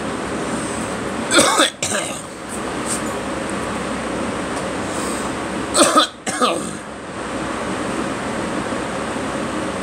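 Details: Two short bursts of two coughs each, about four seconds apart, from a person coughing over steady vehicle or train rumble.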